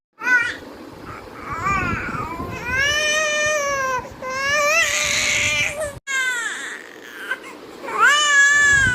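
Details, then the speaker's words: 5-month-old boy, exclusively breastfed, crying again after playing a while, before being taken to the garden: fussy rising-and-falling cries with whimpers; ordinary sleepy infant cry. "देर खेल के यह वापस से रोने लग जाता है तो इसीलिए अब इसके पापा इसको बाहर गार्डन में ले जाएंगे थोड़ा सा घुमाने के लिए"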